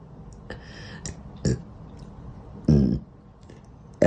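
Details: Several low, rough gulping belches at irregular intervals over four seconds, one long and loud, said to be uncontrollable; repeated burping.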